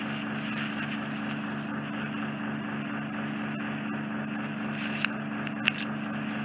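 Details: Endoscopic fine-tip microsuction of impacted wax plastered on the eardrum after cotton-bud use: steady loud suction hiss with a low hum and a couple of sharp clicks.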